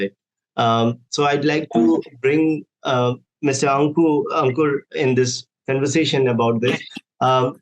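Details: Adult male speaker; normal speech.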